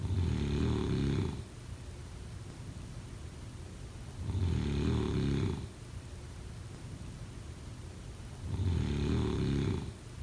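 Three regular, low, rumbling snores about four seconds apart, roughly 14 breaths a minute, over steady background hiss: snoring during sleep.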